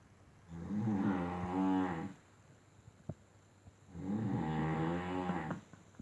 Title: My Big and little bear snoring